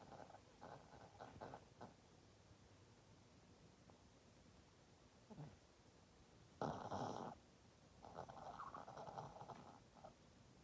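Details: Irregular soft snorts and rattly breaths with brief louder snores from Fender, a sleeping dog in REM sleep; snoring.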